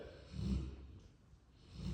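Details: Low, rough rattling snoring breaths from a sleeping, tired Cane Corso dog, rising and falling with each breath, loud enough to drown out the TV.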